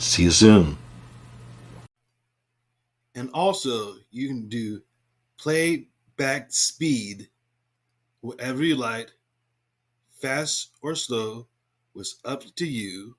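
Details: Adult speaker who reports having aphasia, a communication disorder the description attributes to stroke or other brain injury; aphasia.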